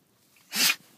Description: Stella is suffering from a sneeze attack.